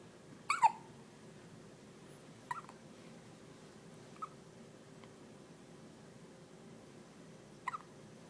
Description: She hiccup sound like a sparrow